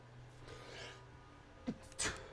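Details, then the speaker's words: During a video-game session with repeated sneezing, a sharp catch of breath after a quiet stretch leads into one explosive sneeze. "Ce qui va sûrement arriver, si je vais éternuer 25 fois là, à mon avis."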